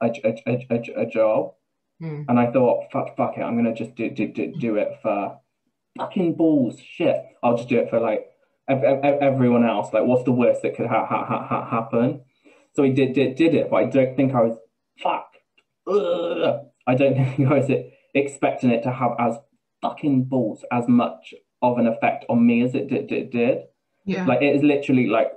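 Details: Adult man with Tourette syndrome speaking in an interview, with repetitions and vocal tics: vocal tics (Tourette syndrome).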